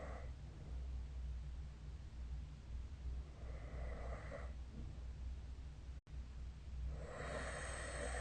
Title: 🐽 Snoring Sleep Sound